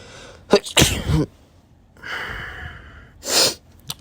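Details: Pollen-allergy sneezing: two sharp sneezes, each preceded by a short intake of breath, with a sniff between them.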